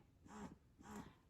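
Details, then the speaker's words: Two soft rhythmic whooshing suction cycles, about one every half second, from a Paruu P10 hands-free wearable breast pump worn by a mother of two; breast pump suction cycles. "Okay, I am actually wearing one of the pumps right now. So it with me talking, you're probably not going to be able to hear it. I'll be quiet for just a second."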